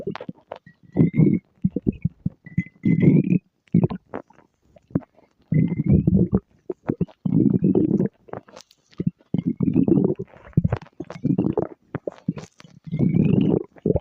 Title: stomach growl